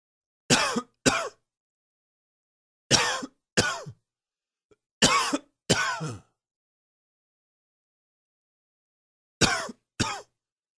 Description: A little more allergy coughing...I love when you comment...also like and share.